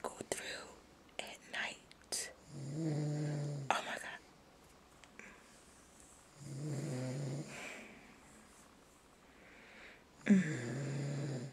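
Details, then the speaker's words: Adult husband asleep in bed snoring heavily, like a wild boar: loud, rasping, rattling snores on the in-breath, about three in ten seconds, with soft whispering nearby. "Listen to that. He sound like a wild boar. A wild boar. This is the stuff I have to go through at night."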